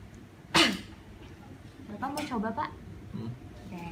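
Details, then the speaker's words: Nursing student demonstrating effective cough for elderly patients after three deep breaths and a breath-hold: one sharp, forceful cough, then brief voiced sounds; technique for clearing hard-to-expel airway secretions. "yak tiga kali ditahan Nah baru dibatukkan Mungkin saya akan peragakan terlebih dahulu ya ibu bapak nanti bisa dicoba lagi dicoba ulang sama bapak saya"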